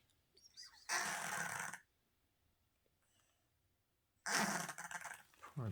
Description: Senior feral cat Crumbs has been living with cancer for years, and sometimes she makes gasping and snorting sounds when she breathes.